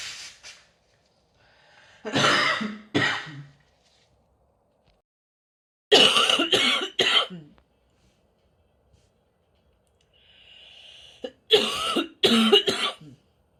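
Three clusters of two or three harsh throat-clearing bursts separated by quiet pauses, with a faint breath between: throat clearing during a cold.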